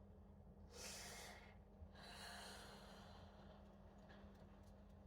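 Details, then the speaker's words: An adult woman with 22q gives two long, deep, breathy yawns after multiple tonic/clonic seizures brought on by lack of sleep, with dystonia still expected; the yawns indicate muscle relaxation after tonic seizures. "Yawns typically when we get several sets of those if they're very deep and sustained yawns normally indication of relaxation"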